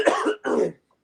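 Two quick, loud cough bursts in close succession, then quiet; an ordinary adult cough.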